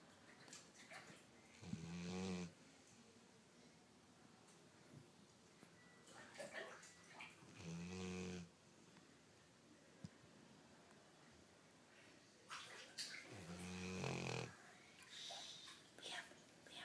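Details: Dog snoring: slow, deep snorting snores with long quiet pauses between breaths and faint room noise.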